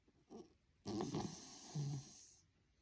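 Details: Miniature schnauzer puppy snoring while napping: a short breath, then a rattling snore with a whistling, snorting exhale.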